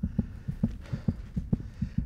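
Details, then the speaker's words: Simulated pulsatile autophony in the right ear from superior semicircular canal dehiscence before surgery, recorded after raising the heart rate: loud, fast, paired heartbeat thumps of about 130 a minute, with voice and heartbeat louder than before. "the autophony symptoms get worse you'll hear that my voice and my heartbeat are even louder in my right ear than they were before"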